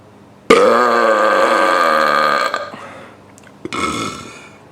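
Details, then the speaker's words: A deliberate burp made by first swallowing air: a long, loud, voiced belch of about two seconds, followed by a shorter second burp. "step one take air to your throat to your stomach step two let it out for best result stand up it will be easier for the air to pass follow these steps"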